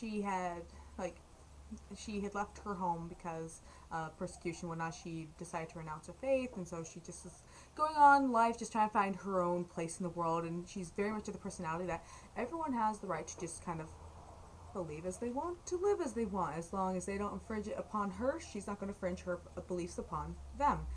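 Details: Adult woman; normal speech.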